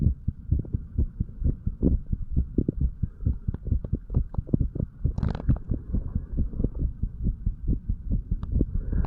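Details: Heartbeat of a 35-year-old male while sick, recorded over the tricuspid then mitral valve areas: rapid, steady low thumping, roughly 130 per minute, with some hum and handling noise.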